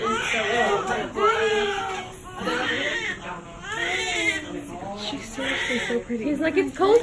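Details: Vigorous, repeated strong high wailing cries of a newborn baby girl just after birth, following about 24 hours of labor that did not go as the planned natural birth; faint room noise; normal newborn cry.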